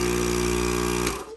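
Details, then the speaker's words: Steady loud motor hum and buzz of a bedside suction machine, cutting off near the end, used at night to suction a man with ALS who has a tracheostomy and ventilator. "So when I'm laying in bed at night, I can reach over and hit this suction machine,"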